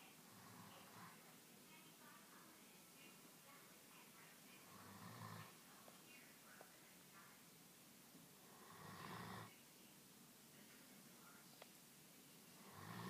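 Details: Soft snoring breaths about every four seconds over a quiet, hissy background; everyday snoring.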